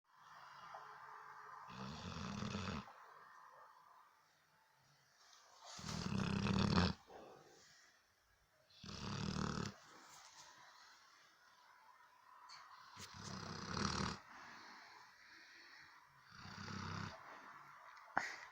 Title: Cane Corso snoring part 2?😂